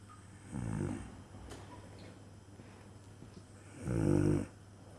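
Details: Snoring: two low, rattling snores about three seconds apart, with quiet breathing between and faint room hum; ordinary snoring.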